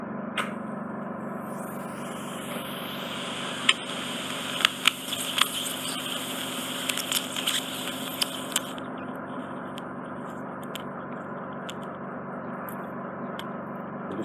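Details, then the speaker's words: Endoscopic E-suction microsuction of impacted ear wax and dead skin in a man who was virtually unable to hear, after about 10 days of ear oil. Steady high hissing with clicks and pops as a large dead-skin ribbon is extracted. "you've got a large ribbon of dead skin that's just hanging out of the ear yeah I can feel I can feel it yes can wrap a present with that wow"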